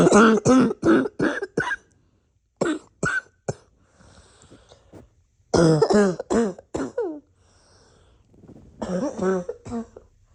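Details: Repeated harsh coughs in four quick runs, about fifteen in all, with throat clearing and noisy breaths between them: a wheezy, congested, barky cough.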